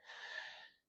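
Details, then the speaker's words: Imitated obstructive sleep apnea sound: a single sharp, hissing snort-gasp as the closed airway reopens with Valsalva effort during sleep. "So it's obstructive, which means your airway closes. And when your airway closes, it sounds like this."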